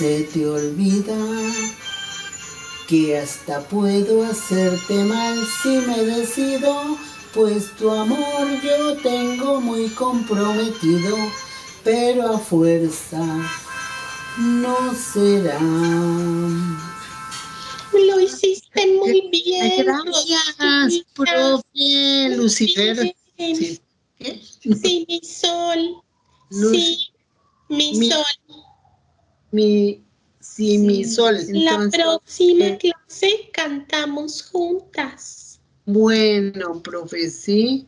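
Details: Broca's aphasia after a stroke in an older woman, describing her return home after discharge from the clinic.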